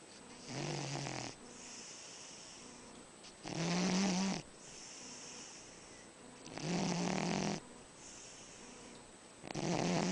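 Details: Dog snoring while lying in a cat's arms.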